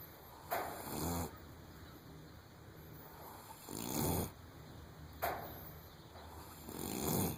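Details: Snoring in a 3½-week-old foal by an AQHA sire, said to snore like this all the time: rhythmic, low, fluttering snores on each breath, about 20 a minute, over a steady background hum.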